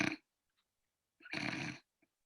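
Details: Nasal fricative, a cleft palate compensatory articulation used in place of /s/ by children with cleft palate, produced in the nasal cavity on expiration; demonstrated in isolation by a speech therapist.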